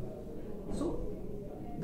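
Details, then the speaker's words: Brief, harsh, noisy breath sound from a child; stridor from obstructed airflow through a narrowed upper airway (larynx or upper trachea). "purpose of this video is to describe what are the causes of stridor in children, and this is the noise like this. So this is a sound known as stridor."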